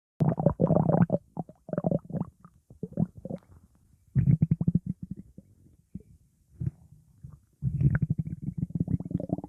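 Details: Lupi's stomach growling in hospital: bursts of low gurgling and bubbling rumbles from the belly (borborygmi).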